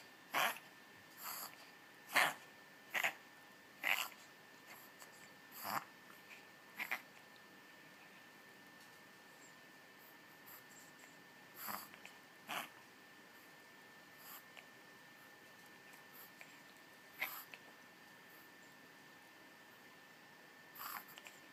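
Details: Dog reverse sneezing: a run of short, sharp snorting inspirations, then a few scattered ones.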